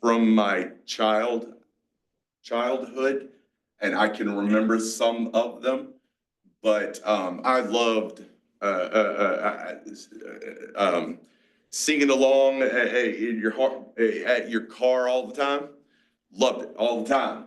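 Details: 47-year-old man with aphasia, a mix of Broca's and Wernicke's, after a massive stroke 6 years ago, with strokes and seizures; he relearned to talk and still has word-finding blocks.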